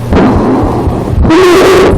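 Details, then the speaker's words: Child with harsh, loud breathing and a steady high-pitched crowing tone, from a teaching presentation of lung sounds. Called abnormal and urgent, needing the emergency room; stridor. "That's not normal. That's Strider. Take the kid in the easy room if he sounds like that."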